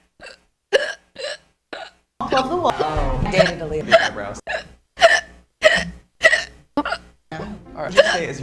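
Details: Sharp, brief voiced hiccups recurring about every half second to one second, from a hiccup compilation, with a stretch of background music and talk.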